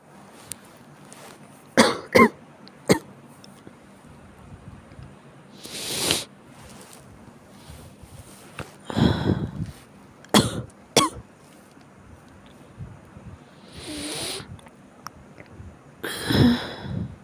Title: 悪寒と咳 chills and cough